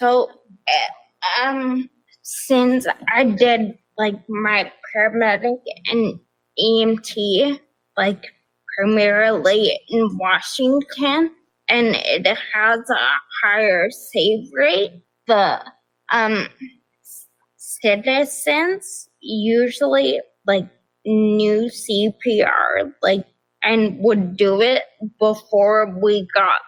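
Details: Adult woman with progressive ataxia of still-undiagnosed type despite many genetic tests, onset at age 26, affecting nerves, balance and speech, with nerve pain; mainly a wheelchair user: ataxic dysarthria.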